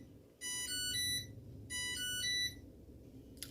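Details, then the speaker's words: Two bursts of a high, multi-tone electronic chime over quiet room noise: an insulin pump alarm beeping on a diabetic woman with dystonia. "that pump beeping"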